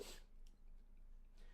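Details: A single sharp, hissing sneeze from an adult player during a tabletop role-playing game session, followed by quiet room noise and a faint breath; others say "bless you". Sneeze.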